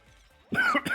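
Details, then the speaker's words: A single short cough burst from an adult who says they are currently unwell, after near-silence with faint background music: cough. "Why is that? Some health issues? Because if that's the case, I can relate. As you can hear by my coughing, I'm not quite..."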